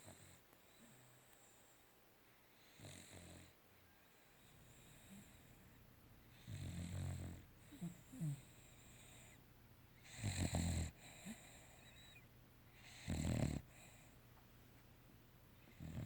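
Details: Sleeping dog snores in low, rumbling bursts, about five in sixteen seconds, against a quiet room hiss: snoring.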